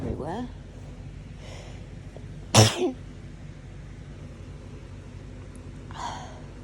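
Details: One sharp, explosive sneeze after a short breath in, with faint talk and room noise around it; a hay fever sneeze filmed within a 3–4 day span.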